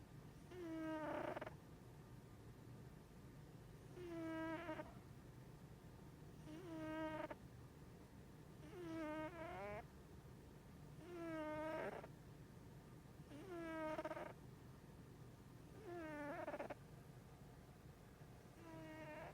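A sleeping cat snores with a soft whistling tone on each breath, about 25 breaths a minute.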